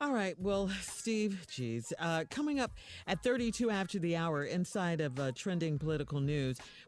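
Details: Adult speaker, radio show host; Normal fluent speech.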